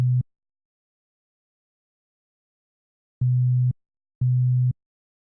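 Steady very low pure tone in brief separate bursts with silence between; a low-pitch hearing test tone.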